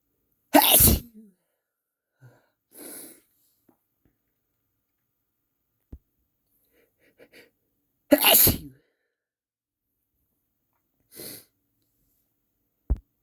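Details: Two loud, forceful sneezes several seconds apart, each followed by a softer breath or exhale, in a quiet room; sneezing.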